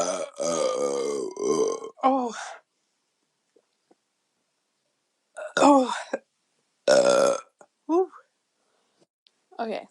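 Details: Woman after chugging beer while deliberately swallowing air: several loud, long, voiced burps with gaps of silence between them.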